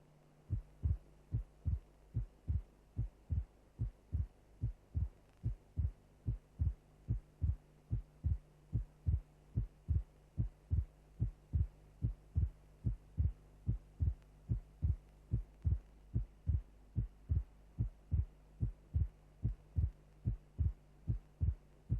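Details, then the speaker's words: Simulated heartbeat at about 73 per minute with a split second heart sound, the aortic component closing before the pulmonary; in the normal heart the splitting varies with respiration. "If closure is not simultaneous, two elements of the second sound will be heard separately. That is the sound will be split."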